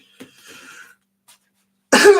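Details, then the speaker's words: One sudden loud explosive sneeze after a few faint breathy sounds and a pause, from a person talking while streaming. "sorry I just had to sneeze now that sounds great I love hot boiling water with leaves in it favorite of mine"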